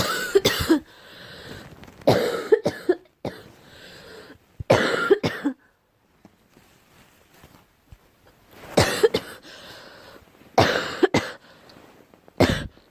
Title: Girl coughing 333